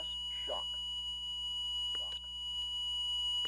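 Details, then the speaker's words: ZOLL M Series defibrillator after a shock-advised message and automatic charging to the preselected energy: a steady high tone with voice prompt, signalling it is charged and ready to shock. "when the unit is charged and ready the shock button will illuminate and the press shock message and voice prompt will be issued"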